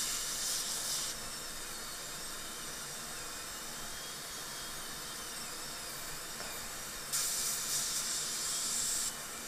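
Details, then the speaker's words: Dental drill after a burr switch, cranked back up to 5 power, removing an old composite filling with lingual microleakage: steady high hiss with water spray, louder cutting bursts near start and end. "Okay, I'm going to switch burrs again. And we'll crank this up a little bit. I just don't want it to lock onto your tissue there."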